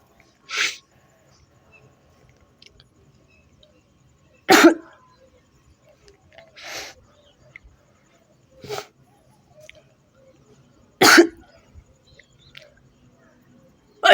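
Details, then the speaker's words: Real sneezing in a sneezing challenge, triggered by sniffing a tobacco-type substance held near the nose: several sharp, explosive sneezes spaced a few seconds apart in a quiet room. "इसकी जैसे गंद आएगी उससे जोर-जोर से जो छींक आने वाली है तो चलो एक बार है जो ना के पास में करते हैं और फिर देखते हैं छींक आती है या नहीं आती है"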